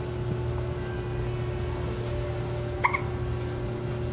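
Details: A single sharp, abrupt hiccup over a steady engine hum.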